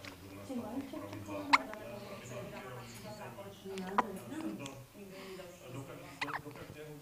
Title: VID 20140417 1 Baby Hiccups